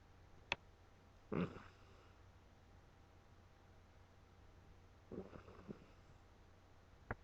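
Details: Two short, rough snorting breaths about four seconds apart in a quiet room, with faint clicks and low hum, from a resting pet named as female; snoring.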